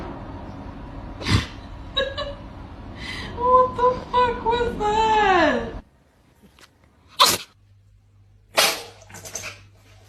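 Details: Several short, sharp sneezes from small pets (cats), with a brief squeaky vocal sound and room noise between them.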